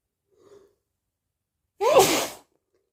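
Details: Sneeze in late August, with uncertainty over whether allergies or a cold is the cause: a faint intake of breath, then a single sharp, loud burst of air with a voiced cry.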